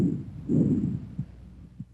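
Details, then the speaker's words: Bronchovesicular breath sounds, typically heard in the first and second interspaces anteriorly and between the scapulae posteriorly: intermediate pitch and intensity, inspiratory and expiratory sounds about equal in duration, a silent gap may or may not separate them. "bronco vesicular sounds have an intermediate pitch and intensity inspiratory and expiratory sounds are about equal in duration and a silent gap may or may not separate them"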